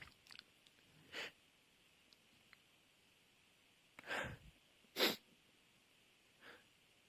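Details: Sneezing fit: several short sharp sneezes, some in quick succession, with quiet pauses between.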